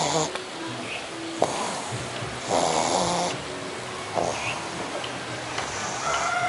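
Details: Pug, awake with eyes wide open, snoring hard: noisy snorting, snuffling snores over background noise and faint voices.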